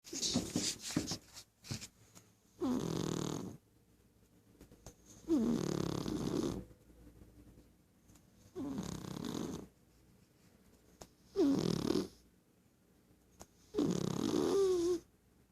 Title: Snoring just like My human!